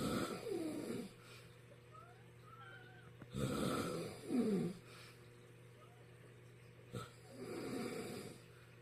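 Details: A father snoring while asleep: rough, rattling breathing sounds recur a few seconds apart over a steady background hum.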